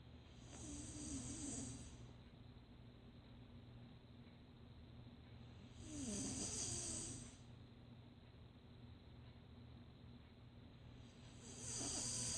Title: Snoring 3 today Jan 14